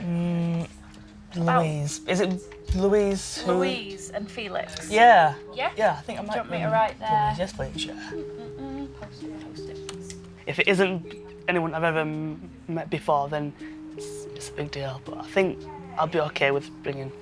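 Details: 23-year-old man who has stammered since he learned to talk, with blocks especially on p, b and t sounds; stammering.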